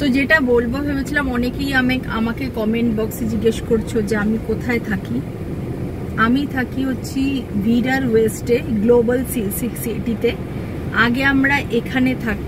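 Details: Adult woman who self-reports stammering issues, sometimes having difficulty speaking; stuttering.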